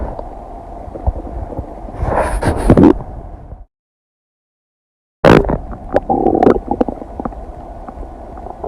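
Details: Gurgling, bubbling abdominal rumbles over a steady low hum from a person's stomach digesting kombucha, cheese and noodles, extended to 15 minutes: normal bowel sounds.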